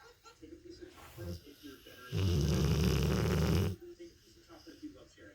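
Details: Rottweiler napping: a single loud, rough, low rattling snore lasting over a second, with quieter breathing noises around it; dog snoring.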